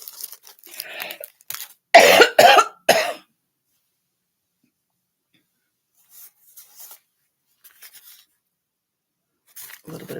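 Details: Adult, still sick, giving a run of several harsh, forceful coughs, then quiet with faint breaths and small noises.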